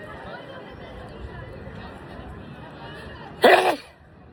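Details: Person sneezing in a sneeze compilation: background chatter, then a single sudden, explosive sneeze that ends quickly.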